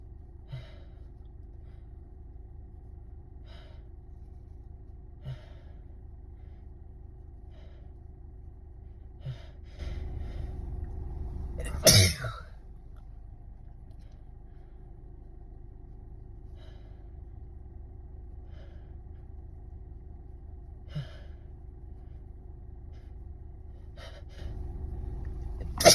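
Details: Loud, forceful, messy spray sneeze after a brief build-up breath, over steady car engine hum, onto the steering wheel; sneeze.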